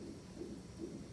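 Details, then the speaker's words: Rapid whooshing fetal heartbeat, roughly 140–150 a minute, heard through a monitor speaker while the mother is hooked up to monitoring in the labor and delivery ward awaiting delivery of a baby boy. "they got me all hooked up and everything trying to play Sicily I can hear the baby's heartbeat"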